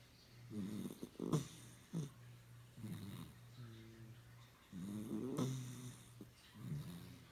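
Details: Sleeping puppy snoring: soft, uneven snores with small snorts and whistly breaths over a steady low hum from a pet water fountain; harmless snoring.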